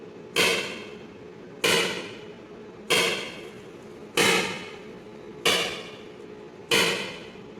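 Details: Extracorporeal shock wave lithotripsy (ESWL) of a left kidney stone focused by C-arm fluoroscopy, delivered through a fluid-filled membrane: sharp, regular knocking pulses at about 47 per minute, sounding like something breaking.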